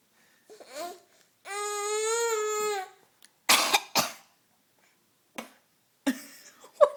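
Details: Young child imitating coughing: long sung vowel, then several short, breathy pretend coughs, an imitation rather than a real cough.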